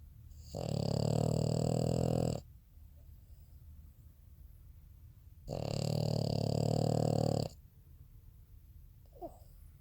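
Two long, loud, low rattling snores in about ten seconds, with quiet pauses between. Snoring in a flat-faced dog.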